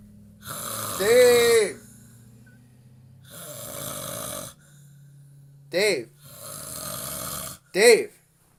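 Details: Adult snoring loudly during sleep in a recovering addicts' house, with sleep apnea loosely mentioned: loud rasping snores alternating with short, sharp voiced snorts over a steady low hum; snoring.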